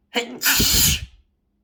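A short in-breath, then one loud, explosive burst of air; a single sneeze.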